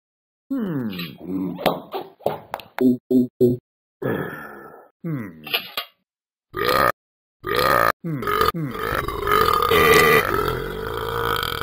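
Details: Person burping repeatedly: a string of loud, voiced, croaking belches, with several quick short ones after a longer one.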